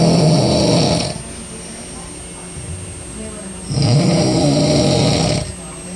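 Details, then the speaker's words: Adult male roommate who snores this loudly every night, asleep: two loud, rough, low-pitched breaths about four seconds apart with quieter exhalation between; heavy snoring. "and that's how he snores every single night I have to live with this guy but he's cool but this is how he sleeps and he snores that loud every night"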